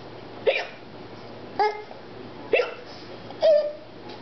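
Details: Person pretending to have hiccups (simulated) at the dinner table: four sharp, abrupt voiced hiccups about a second apart, roughly 65 a minute.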